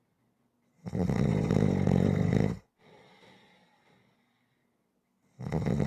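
Loud, rough, low snoring on the in-breath with a quieter breathy out-breath; rhythmic snoring cycles.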